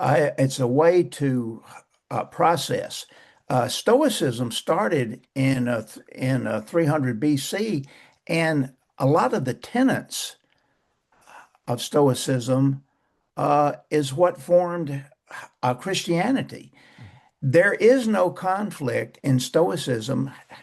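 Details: Man who still stutters, describing blocks, poor airflow, some repetitions and prolongations, and saying he no longer pays attention to it; stuttering.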